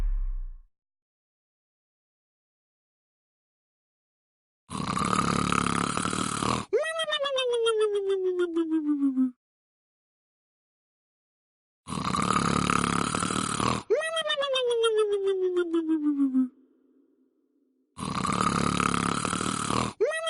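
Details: Loud rattling snores, each followed by a long falling whistle-like tone, about nine breaths a minute; snoring.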